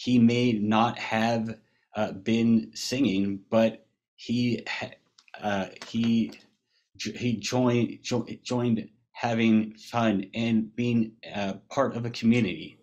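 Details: Global aphasia after a massive stroke from a burst brain aneurysm at age 21 in 2009; man who later joined an aphasia treatment program in 2013.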